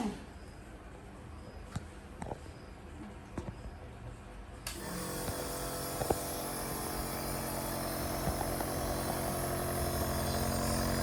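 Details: Mother treating a sneezing baby with a compressor nebulizer: a steady motor hum with a fast buzzing pulse begins partway through, over faint room sounds.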